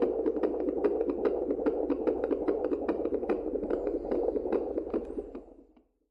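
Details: Baby heartbeat sound effect: rapid, regular whooshing pulses at about 146 a minute, like a fetal heartbeat on a Doppler monitor.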